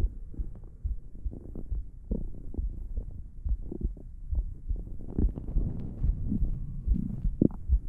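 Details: Continuous low gurgling and rumbling with irregular pops and bubbling, presented as ASMR stomach growling; ordinary stomach growling (borborygmi).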